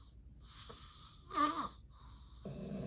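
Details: Real, unacted daytime nap recording of a person with sleep apnea who gets extremely sleepy during the day. One loud, rough snore against quiet room breathing; heavy snoring of sleep apnea.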